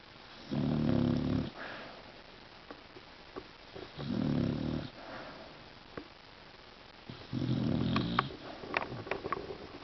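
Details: Sleeping Beagle snoring: three loud, low, fluttering snores about every three and a half seconds, with quieter breaths between.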